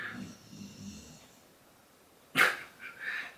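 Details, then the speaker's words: Sleeping dog across a quiet room gives soft, low rumbling breaths, then a sharp snort and two quieter snuffles, faint on the camera: snoring. "Can you hear the dog snoring on the camera? I don't know if you can hear that, but she's over there."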